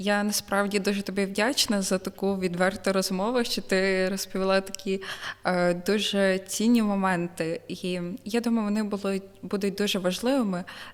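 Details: Adult woman speaking; normal speech.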